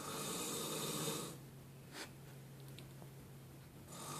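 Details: Man deeply asleep, snoring very loudly: a loud, harsh snore, then a quiet pause with faint breath and a slight snort before the next snore.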